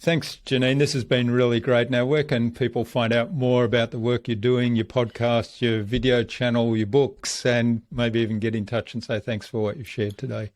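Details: Adult male speaker; normal speech.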